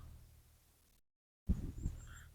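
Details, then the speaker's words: Rooster with ngorok (respiratory disease, called "batuk pek"): a brief low, rough, wet rattling snoring breath. "ini ayamnya ya teman-teman ya Nah ini dia terkena ngorok ee parah sudah kayaknya ngoroknya ini"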